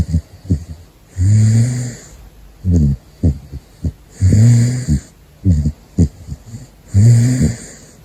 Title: Gosha is Snoring : Big Floppa #caracal